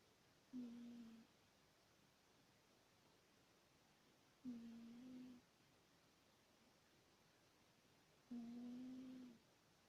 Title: Кошка храпит во сне. | Cat snores in his sleep.